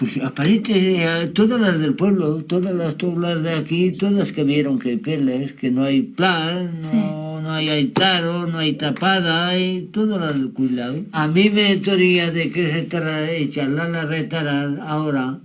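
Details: Adult male with Wernicke's (fluent) aphasia from an ischaemic infarct caused by an operation, with impaired comprehension and invented jargon words.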